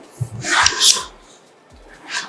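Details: Single sharp, hissing sneeze with a softer breathy sound after, faint music behind, from a woman with neck pain during a chiropractic neck adjustment session.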